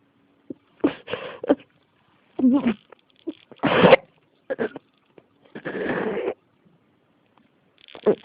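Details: Persistent cough that won't stop: repeated harsh cough bursts in quick succession over several seconds.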